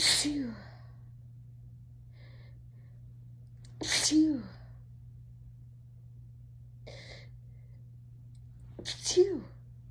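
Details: Person sneezing while tipsy and high: three sharp sneezes, each with a brief voiced cry, and a faint short sound between them, over a low steady hum.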